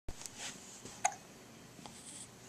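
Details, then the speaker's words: Boy with the hiccups: a few brief, sharp hiccup sounds in a quiet room. "got the hiccups."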